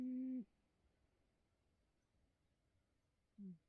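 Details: A pet cat snoring while asleep, making unusual snoring noises.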